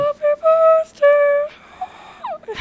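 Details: Happy Birthday singing task by clinician and patient with vocal cord nodules, with raspy air escape, onset delays and squeaks from mucosal injury; dysphonia from vocal cord nodules.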